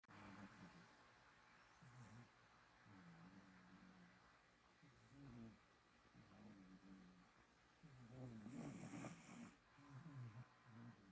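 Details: Soft, buzzing snores on each breath from a sleeping cat, louder near the end, a rare occurrence for him; quiet room background, recorded on an iPhone X.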